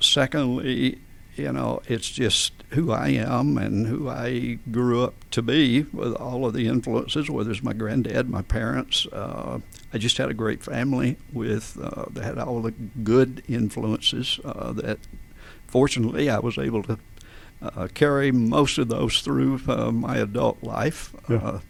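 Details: Adult man with adductor-type spasmodic dysphonia: his vocal folds spasm and slam together without releasing properly, so speaking takes extra effort and pressure. Voice problems began around 1999-2000, treated with botulinum toxin injections. Adductor spasmodic dysphonia.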